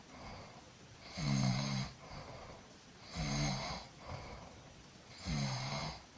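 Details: Person snoring during sleep: rhythmic low rattling snores on each breath in, about 30 a minute, over steady background hiss; ordinary snoring.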